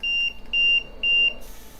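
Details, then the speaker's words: Three steady high-pitched beeps from an LTV 1200 ventilator alarm in a demonstration, after the oxygen setting was raised from 21% to 100% without being connected to 100% oxygen. "i will hit enter to save that now it's going to beep"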